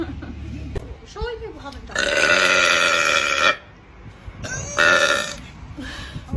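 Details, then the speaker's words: Female deliberately burping: two long, loud, drawn-out belches with brief voice sounds between them; one called a big one; deliberate burping. "T that was a big one"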